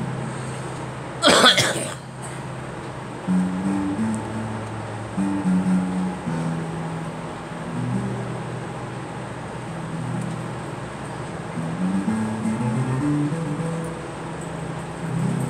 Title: Girl coughing